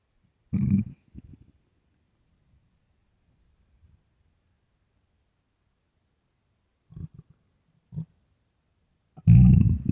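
Low gurgling and rumbling bursts separated by quiet gaps; stomach growling from an empty, bloated stomach.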